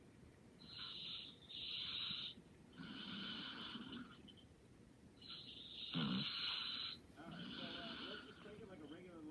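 Soft, irregular snoring breaths with hissy, fluttering noise on inhaling and exhaling, about 14 a minute; light snoring during sleep.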